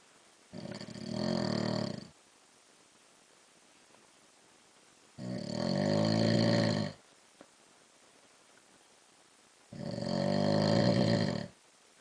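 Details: Husband asleep at night, recorded in the dark: three loud, rough, rumbling snores, each over a second long, about every four to five seconds; heavy snoring during sleep.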